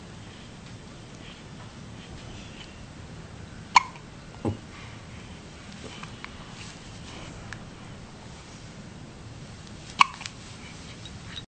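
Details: Hiccups in a one-month-old baby girl, who also sneezes in the recording: two sharp, brief catches about six seconds apart with a smaller soft sound between, over quiet room noise.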